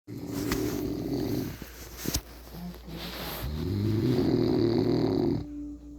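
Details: Snoring recorded at 2:38 am: loud, rough, rumbling breaths with a rattling quality on each inhalation; heavy snoring like a bear.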